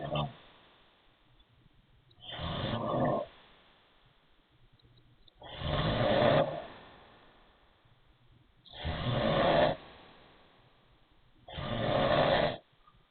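Four long, rough snores about 19 a minute, each with a raspy, wheezy edge on the breath, separated by quiet pauses.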